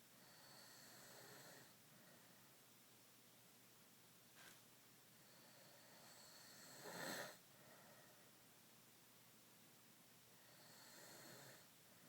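Slow, rasping snores on the in-breath about every ten seconds, with a brief snort between them, against a quiet room hiss.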